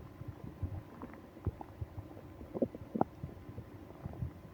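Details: Adult with stomach ache on a business trip: intermittent low gurgles and short rumbling bursts from the abdomen, with moaning; active bowel sounds, stomach growling.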